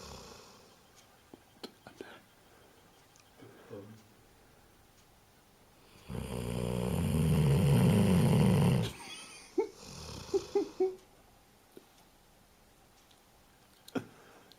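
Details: A 15-year-old dog snoring in a quiet room: one long, loud, rumbling snore, then softer snuffling breaths.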